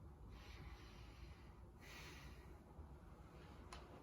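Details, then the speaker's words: Clear, normal breath sounds through a stethoscope, soft and even with no wheeze or crackles, during a head-to-toe nursing assessment demonstration; clear and equal bilaterally. "mid-axle line eighth intercostal space sounds are clear and equal to auscultation bilaterally"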